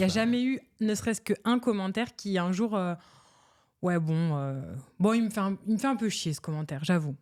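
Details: Adult speaker, French; ordinary speech.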